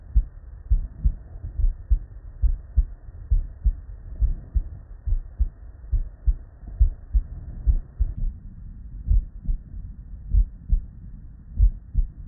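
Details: Real, unedited bedside recording of human heart sounds from patients with normal cardiac physiology: steady lub-dub at about 68 beats a minute, with crisp first and second sounds and no extra noises. Normal heart sounds (S1 and S2).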